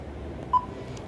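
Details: One short, clear electronic beep over low room hum as the paddle lead is selected on a defibrillator to view rhythm through the paddles: a defibrillator button beep.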